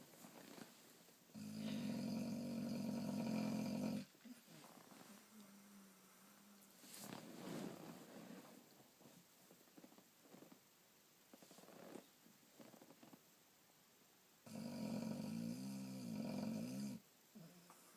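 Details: Boxer dog snoring: two long, loud buzzing snores about ten seconds apart, with quieter breathing and room noise between them.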